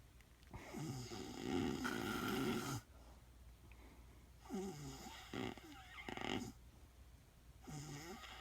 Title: My wife snoring 😴